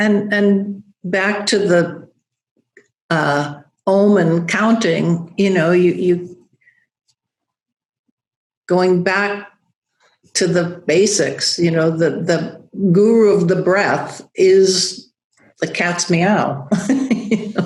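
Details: Adult woman with aphasia after a stroke, still losing words: knows the word but cannot make the linguistic connection; aphasia.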